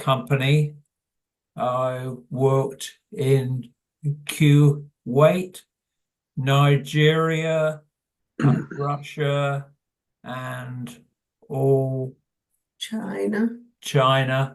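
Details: Adult man with primary progressive aphasia, described by him as incurable; word-finding pauses and fragmented sentences; primary progressive aphasia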